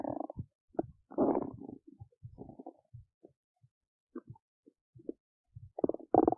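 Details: Belly noises while digesting oats: irregular gurgles, squelches and rumbles with brief silent gaps, active bowel sounds.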